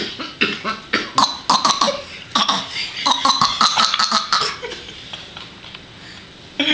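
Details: A young child gives a rapid string of forced, breathy cough bursts, deliberately imitating a grandparent's cough; a voluntary, fake cough, not illness.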